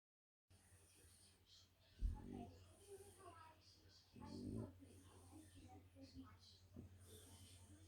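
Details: Two loud, rough snorting breaths about two seconds apart over a low room hum: snoring in a French bulldog napping, tired after a walk.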